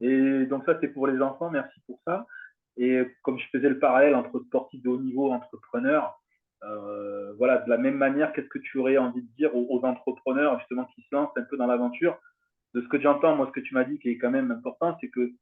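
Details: Adult male speaker, French; fluent speech.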